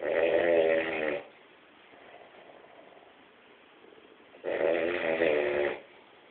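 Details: Two loud, buzzing snores about three seconds apart with quiet breathing between; ordinary snoring.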